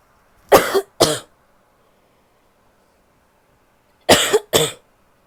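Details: Two pairs of short, sharp coughs from an adult woman, separated by a few seconds of quiet; cough.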